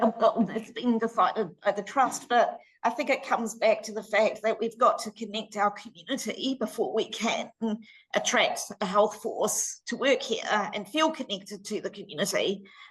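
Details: Adult woman with voice dystonia treated with Botox injections to the vocal cords every six months, now due for her next shot; laryngeal dystonia (spasmodic dysphonia).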